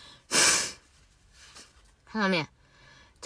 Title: Beautiful Asian girl sneeze